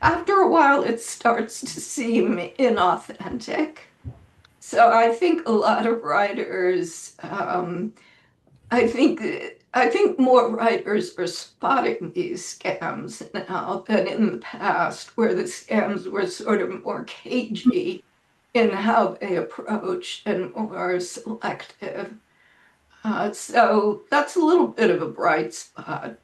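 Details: Adult woman with spasmodic dysphonia that she says causes her voice to sound this way; it varies day to day and she reports today is not a particularly good day.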